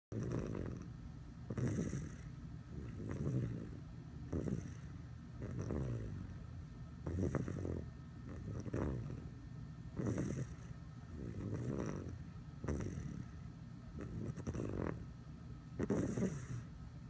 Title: Baby snoring